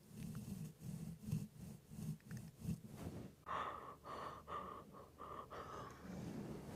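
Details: Snoring in a replayed ASMR live stream recorded with a Blue Yeti microphone and iPhone 13: slow, rhythmic, rough snorts, about 20 a minute, with a short run of quicker breaths.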